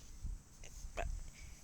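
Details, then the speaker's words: Person with hiccups: a brief, sharp gulp-like catch with low room rumble; a single hiccup. "so here guys um today i'm going to show you how to get rid of the hiccups yeah as you can see i have them now so when i found out i had them i just decided to make this video"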